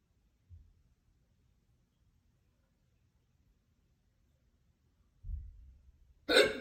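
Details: Quiet room with a few low jerky sounds, then one loud abrupt hiccup; loud hiccups after soup for dinner followed by a lot of crackers.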